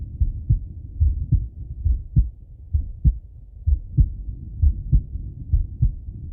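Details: Male heartbeat and breathing heard on stethoscope auscultation: a steady heartbeat at about 67 a minute with soft breath noise underneath; normal heart sounds with breathing.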